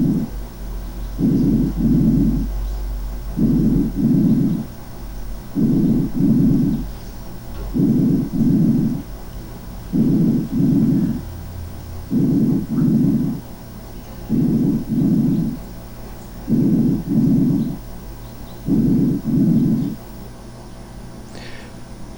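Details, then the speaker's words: Stethoscope vesicular breath sounds in a patient with pulmonary emphysema (COPD): soft, low sounds with diminished, brief inspiration and prolonged expiration. "fijaron como la inspiración dura menos que la inspiración es decir la aspiración es un poquito más prolongada"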